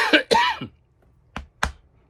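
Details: Cough in an adult with COVID: a harsh throat-clearing cough, then two short, sharp coughs after a pause.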